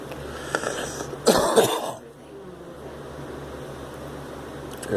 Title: Girl smoking and coughing